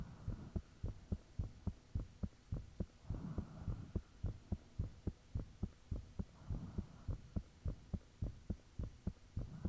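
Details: Self-recorded heartbeat with the fan off, taken shortly after the heart started feeling thumpy; valve sounds and blood rushing are audible. Loud, regular low thumping at about 105 beats a minute, with a steady high tone and faint rushing noise.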